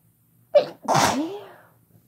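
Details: Woman and man kissing during a sneezing fit: a quick in-breath, then one forceful explosive sneeze fading into a voiced tail.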